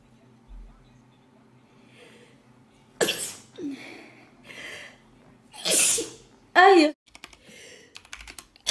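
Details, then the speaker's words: Girl with allergy: several sharp, explosive sneezes in quick succession in a quiet room: repeated sneezing. "that's me everybody she sneezed at 1 minute 54 seconds oh and again double whammy at50"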